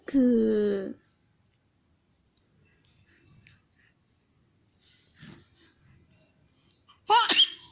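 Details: Sneezing: a drawn-out voiced sound, then quiet, then a sharp explosive burst that ends it.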